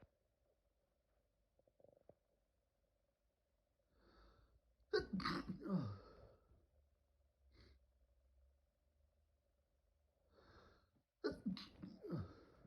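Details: Several forceful sneezes in quick succession with sharp inward breaths between them; intense allergic sneezing fit.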